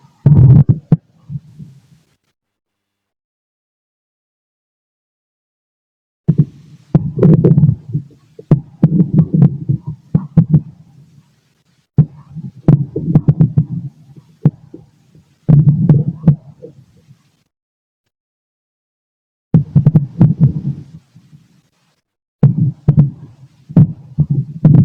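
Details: Adult male abdomen through a stethoscope while digesting lunch: gurgling, rumbling bowel sounds in irregular bursts with silent pauses, some heartbeat audible; normal bowel sounds.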